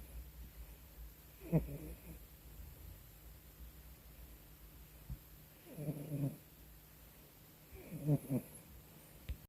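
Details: Cat making low, rattling snore-like breath noises while being petted, three spaced a few seconds apart; phone held between cat and owner's chin, quiet room hiss behind.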